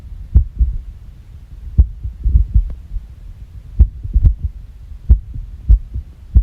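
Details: Irregular heartbeat sound recorded after shocking, with the heart reportedly stopping for 9 seconds.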